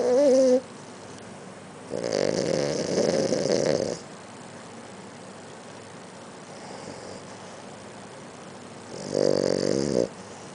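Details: Maltese dog snoring in sleep: loud rattling snores, each about one to two seconds, separated by quiet exhalations.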